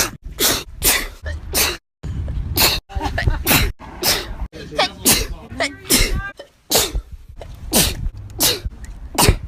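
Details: Compilation of a young woman's own sneezes recorded over about a year: a rapid run of repeated explosive sneezes, roughly a dozen in under ten seconds, with brief gasping intakes between them; sneezing.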